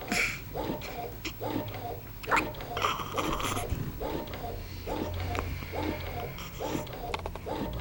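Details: About nine short, evenly spaced catching sounds, roughly 70 a minute, over room noise and low hum, after a meal; hiccups.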